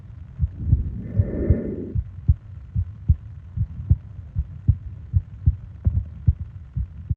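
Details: ASMR sleep recording of heartbeat and breathing sounds (20-minute session): steady, low paired heartbeat thumps at about 75 a minute, with one soft breath early on.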